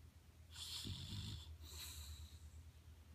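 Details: Pit bull dog snoring while asleep: a quiet snuffling snore with a soft whistling hiss on the breath; ordinary snoring.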